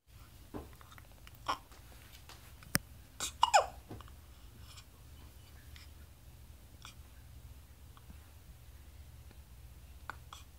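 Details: 6-day-old infant having a hiccup attack: a few brief, sharp catches of breath with soft infant noises in a quiet room; hiccups.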